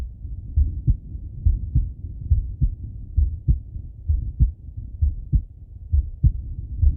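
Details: Male heartbeat and breathing heard on stethoscope auscultation: a steady heartbeat at about 67 a minute with soft breathing sounds behind it; normal heart sounds with breathing.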